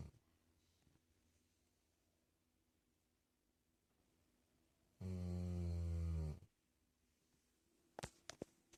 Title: Dog snoring